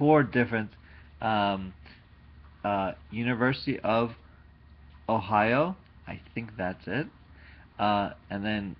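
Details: Adult man speaking; aphasia.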